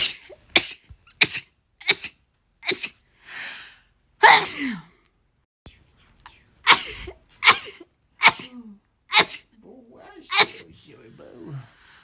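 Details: Rapid sneezing from a compilation: about a dozen sharp, forceful sneezes in quick series, with brief breaths and small vocal sounds between. The sneezer says the urge to sneeze is strong and she hates sneezing right now.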